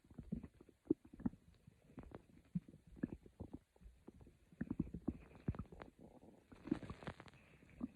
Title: A Stomach growling video by me. Quiet growls for sleep…